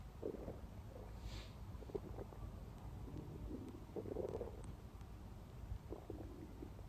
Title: stomach growling non-stop | close up